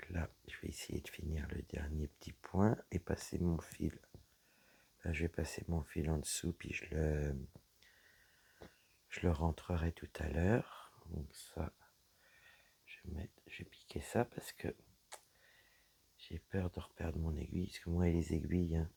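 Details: Dysphonia with a low-pitched, creaky voice in a woman whose vocal cords were damaged by a serious health problem; her voice is deeper than before, is at times nearly lost, and she cannot speak loudly.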